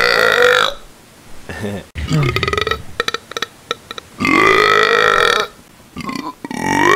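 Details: Gamers' deliberate burping: several loud, drawn-out belches, one broken into rapid croaking pulses, with brief talk in between.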